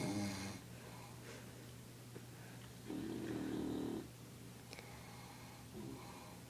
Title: Bulldog and GROWN man take turns snoring